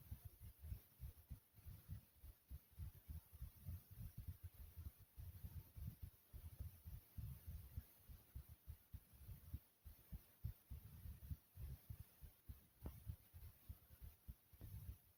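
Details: Uploader's own heartbeat: low, dull thumps at roughly 100 per minute, somewhat uneven in spacing; an ordinary heartbeat.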